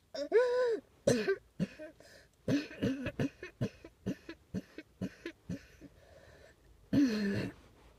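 A run of about a dozen short coughs and throat clears, starting and ending with louder voiced coughs; repeated coughing.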